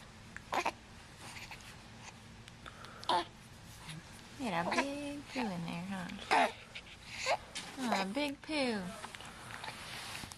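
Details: Infant with hiccups, fussing: short whimpering cries and fussy vocal sounds with a few abrupt catches; infant crying.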